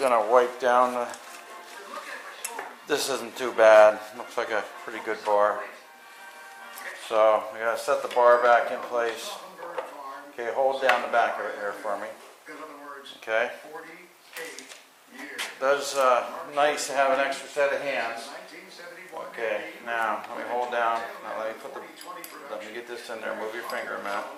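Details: Adult man; typical adult speech.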